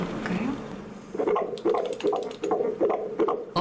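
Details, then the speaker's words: Rapid whooshing pulses at about 155 beats a minute, heard on a Doppler probe at a routine 16-week pregnancy checkup of a mother's third child; fetal heartbeat. "아빠에게 건네는 아가의 첫인사."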